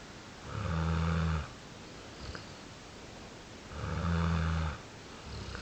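Low, buzzing rattles on each breath, evenly spaced about 20 a minute over quiet room noise; steady snoring in sleep.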